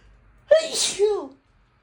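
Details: Cat with a cold sneezing: one short, high-pitched sneeze with a squeaky voiced edge.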